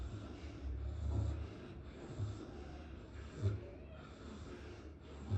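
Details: Pigs napping after a good meal make low, rumbling grunts and snorts that repeat irregularly over steady, low breathing noise: snoring-like snorting.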